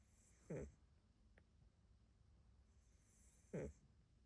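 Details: Sleeping neutered mixed-breed cat of unknown age, dozing with eyes half open: two soft snoring breaths about three seconds apart in a quiet room.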